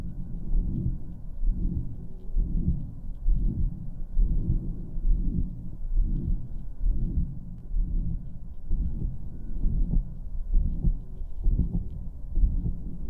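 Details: Real heart murmur, first listen: slow, slightly irregular heartbeat at about 66 per minute with a soft extra whooshing murmur.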